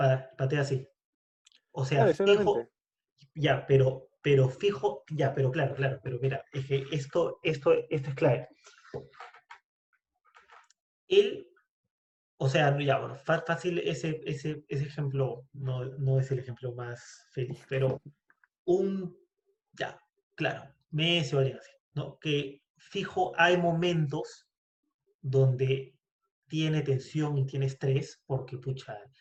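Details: Spanish-speaking person who stutters, in a conversation between two people who stutter. Stuttering.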